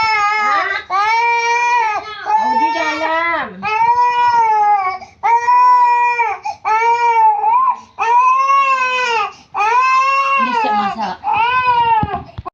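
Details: Infant loudly crying in long, vigorous wails with brief breaths between, during traditional baby massage meant for sprain, cough, cold and fever.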